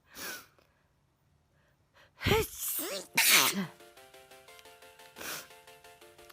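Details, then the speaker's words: First sneeze from a person just back from vacation. Two loud explosive sneezes with voiced trailing sounds, then softer sneezy exhalations over background music. "Just back from vacation and it's my first sneeze."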